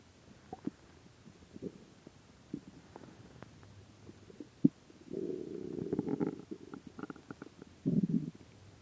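Scattered gurgles and clicks, then longer low rumbling growls; stomach growling from hunger after a long fast.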